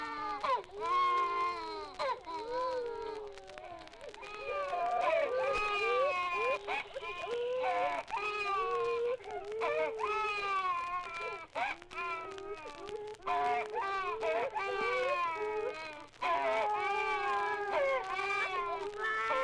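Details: Archival nursery recording of several babies crying, digitized from an old 78 rpm sound-effects record: repeated wailing bursts with short gasps between; normal infant cry.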